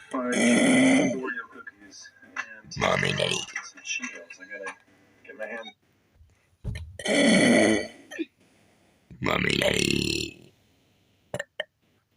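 Four long, loud, rumbling belches over about twelve seconds, made deliberately on command, with quiet gaps between; voluntary burping.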